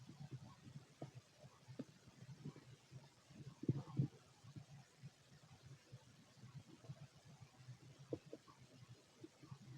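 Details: A fit male's empty stomach: quiet, irregular low gurgles and soft rumbles with a louder cluster midway, ordinary bowel sounds with little activity.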